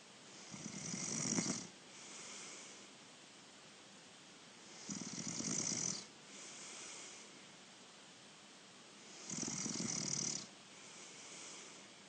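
Three loud, rattling inhaled snores about every 4 to 5 seconds, with quieter exhalations between, roughly 13 breaths a minute; snoring.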